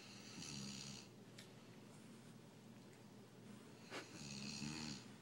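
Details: Two loud, rattling inhaled snores about four seconds apart with quiet breathing between, recorded during a playful snoring contest between two sleepers, Dozer and a man; ordinary snoring.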